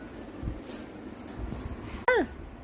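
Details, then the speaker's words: German Shepherd dog gives one short, high falling whimper against quiet room noise, frightened by loud bangs. "బాంబుల sound కి భయమేసేస్తుంది దానికి"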